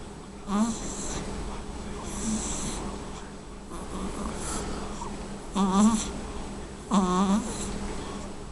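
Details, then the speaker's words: A sleeping girl makes irregular nasal snorting snores with a faint whistling edge, about 40 a minute; noisy nasal breathing, snoring. "Somebody's a noisy breather. Are you a little nasally girl, huh?"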